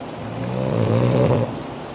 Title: Is it wrong to snore like this? Funny videos in rural areas #2